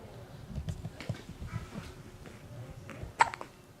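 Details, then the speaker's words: Newborn baby, about 6.5 pounds and gaining weight since birth: a quiet room with soft rustling, then a single sharp, brief hiccup near the end; infant hiccups. "has hiccups. He's about 6.5 pounds now. He's gaining weight from birth, which is good. And he has hiccups."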